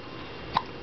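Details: 3-month-old baby boy propped up sitting: one brief, sharp, gulping click against quiet room noise; a single hiccup.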